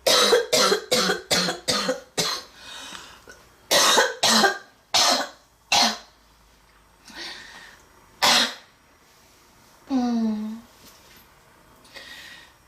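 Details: Coughing fit in a girl with a severe respiratory condition (tagged smoker's cough, bronchitis): repeated harsh, forceful coughs in rapid clusters, with breathy gasps, wheezing and a groaning voiced breath between bouts.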